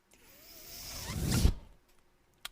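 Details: Mechanical ventilator sound: the speaker's own ventilator is heard running while he talks on his podcast.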